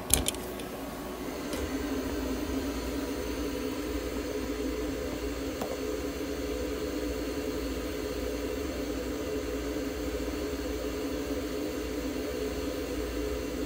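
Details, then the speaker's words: A sick pet budgerigar in a veterinary ICU receiving warmed, humidified oxygen therapy; a steady low mechanical hum and whir with a few clicks at the start. "ICU 内で保護個室酸素療法を行っています。"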